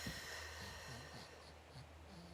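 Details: Quiet snuffly snorts, snores and noisy breathing from a pet pug moving around the room during real-life filming, heard faintly over steady room hum: snorting.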